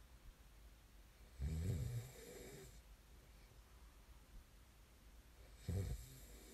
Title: [코 고는 소리 ASMR] 코 고는 사람을 좋아하는 사람은 없겠죠? There's no one who likes snoring, right?